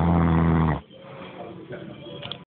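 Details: A man snoring while asleep on a float in a swimming pool after a barbecue.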